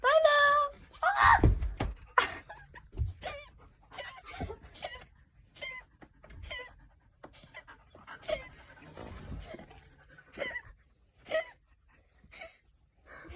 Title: No heart attack! Just kitty coughs